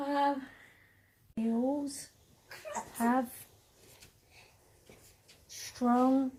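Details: Aphasia in a woman, 17 years after a stroke at age 46 affecting the brain's language centres, reading aloud with word repetitions; initially she had only three words and has since regained more language.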